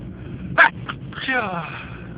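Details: First sneezing recording of 2011: one sharp burst of air, a brief catch, then a short voiced exhale over low room noise; a single ordinary sneeze.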